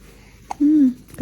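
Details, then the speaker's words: One-month-old baby after milk feeding, with spitting up: a single sharp catch followed by a brief voiced coo, a hiccup. "Kebanyakan kan, Dek? Cegukan deh. Susu lagi deh."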